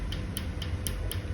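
Sharp regular ticks about four times a second over low room hum: a tattoo removal laser firing pulses.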